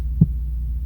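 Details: A single soft low thump over a steady low hum, presented as the mother's heartbeat a baby hears and feels in the womb; an ordinary heartbeat sound.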